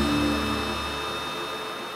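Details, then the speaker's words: Steady motor hum with a whirring tone: a surgical suction vacuum running during electrocautery loop excision of rhinophyma on an adult man's overgrown nose. "So she's gonna turn on this vacuum here. Make sure nothing ever hurts you."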